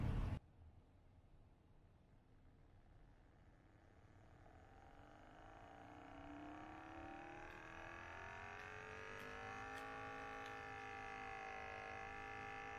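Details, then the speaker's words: MoonO Bluetooth automatic blood pressure monitor, started via start/stop button; click then low motor hum rising steadily in pitch as the pump inflates the arm cuff at the start of a measurement. "then to start it just gonna hit the start and stop on the back here starting measurement please relax"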